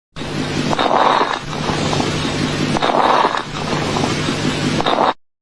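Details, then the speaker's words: Coarse crackles, as in pneumonia, pulmonary edema, ARDS or heart failure: noisy breathing with loud, wet, bubbling crackles through each breath, like air bubbles going through fluid. "Coarse crackles are louder and wetter, and they sound like air bubbles going through fluid. So, think pneumonia, pulmonary edema, ARDS, or heart failure."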